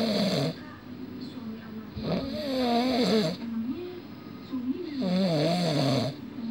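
Loud, rough, fluttering snores on each breath, about three in six seconds, with quieter breathing between; snoring during sleep.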